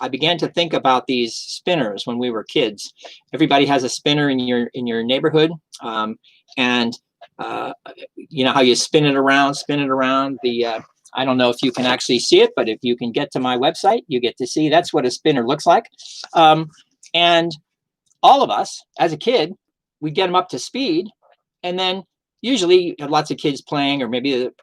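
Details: Adult man recovering from post-stroke aphasia; mild, fluent speech with word-finding pauses; aphasia.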